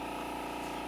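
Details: Steady low motor and vacuum hum from a Dermaglow II crystal microdermabrasion machine at low intensity, flat skin contact on a client's forehead at treatment start; microdermabrasion machine running.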